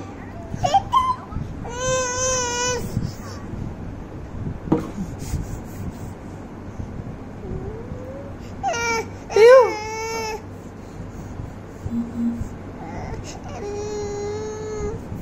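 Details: Infant crying during teething: several short whiny cries and whimpers with pauses between them, a fussy baby.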